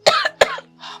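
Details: Two short, harsh cough bursts from an adult woman playing an unwell mother who has been ill since morning, acted in a Gujarati drama scene with faint background music; cough.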